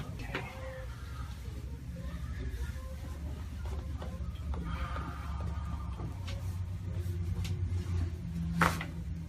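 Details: Sharp joint crack near the end over room noise and low hum: joint cavitation during a chiropractic neck/back adjustment, with the patient rolled to the left and toward the right, head let drop.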